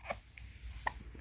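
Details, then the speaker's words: Hiccups in a 3-month-old baby boy: two brief, sharp hiccup sounds about a second apart in a quiet room. "got the hiccups oh that was a hiccup oh that's a hiccup"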